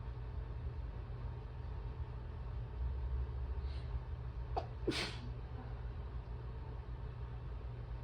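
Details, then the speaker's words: Allergic sneezing during an allergy attack in a woman with some trouble breathing who may need her inhaler: two quick, partly muffled sneezes over a steady low hum; sneezes covered or uncovered variously. "Sorry if some of these sound a little weird. I'm having a little bit of trouble breathing. Nothing dangerous, just might have to take my inhaler after this."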